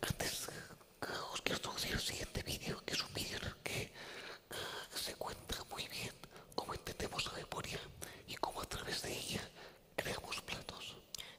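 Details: Man with the neurological disease dystonia, which in his case impairs control of his neck movements and can affect other body parts; he speaks without voice tone, in a whisper: aphonic whispered speech due to dystonia.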